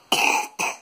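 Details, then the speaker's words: Toddler with cystic fibrosis whose chesty cough has worsened over several days, coughing on request after a hospital cough swab: two short coughs, the first longer and harsher, loose and rattly; wet cough. "so as you can see from that coffee it has got a bit of a rattle to it"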